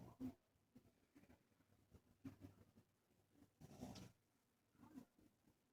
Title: My pug Lilly snoring & our house mini tour